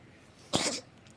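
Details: Cat trying to cough up a hairball: one harsh, hissing cough-retch against quiet room noise.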